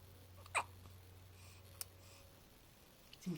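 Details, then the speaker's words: Baby, one of twin boys, hiccuping: a few soft, brief hiccup sounds over low room hum. "이제 딸꾹질 하는 거 찍으려고 했어?"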